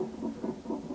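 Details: Rapid, rhythmic whooshing pulses on a nonstress test fetal monitor in a pregnancy awaiting induction after a failed catheter induction; baby moving a lot, acceleration noted on strip, no contraction now; fetal heartbeat.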